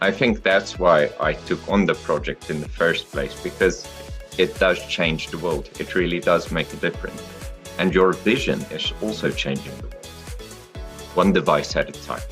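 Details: Adult male speaker; ordinary speech.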